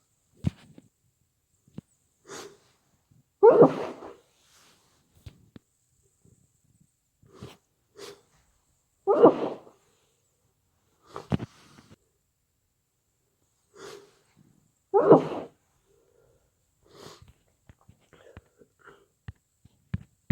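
Three muffled, stifled sneezes about six seconds apart, each preceded by a catch of breath, with sniffing between; congested sneezing with a cold.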